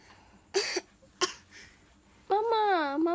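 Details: Toddler coughing.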